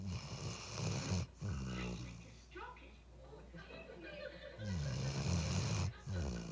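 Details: Loud, rough, rattling snores with short pauses between breaths from a sleeping Ridgeback dog: snoring.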